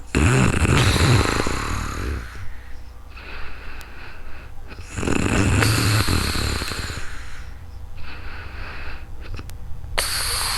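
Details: Adult sleeping in real time, recorded with a new microphone: loud, rattling snores on each breath at about 12 breaths a minute, with quieter out-breaths between; ordinary snoring during sleep.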